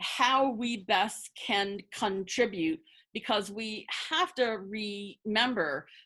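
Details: Adult woman who identifies as a person who stutters, speaking spontaneously as a webinar panelist, with word and part-word repetitions; stuttering.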